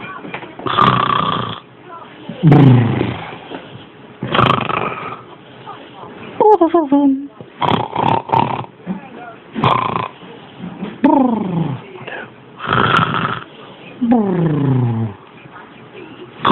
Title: My son snoring.